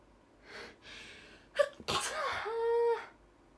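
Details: Ordinary sneeze: soft in-breaths build to a sharp sneeze, then a brief high-pitched vocal sound, from a Japanese girl.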